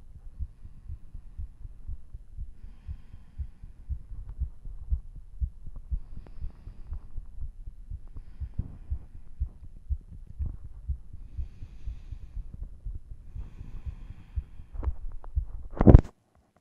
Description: After a vigorous workout, my heart is booming in my chest, both visibly and audibly.